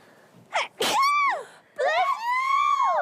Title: "members sneezing" #sneezing